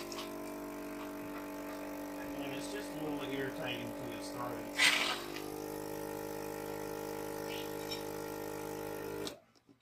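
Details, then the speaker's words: During a trach care demonstration, a tracheostomy suction machine runs on a patient after he coughs: a steady motor hum with a brief wet hissing burst as secretions are drawn up. "Okay, as you hear him coughing, I'm going to go ahead and suction him. Get the suctioner up."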